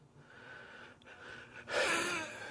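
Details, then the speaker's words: Adult former 9/11 landfill recovery worker with damaged lungs (lung capacity 59%, heart function 36%), on about 20 pills daily and 3 inhalers, winded while talking; noisy, high-pitched, whistling breaths ending in a strained breath; wheezing. "As you can hear me wheezing. I'm on a lot of medication."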